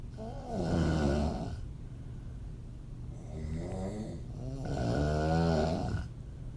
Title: Sexy female open mouth snoring. Part 1 of 2. Audio only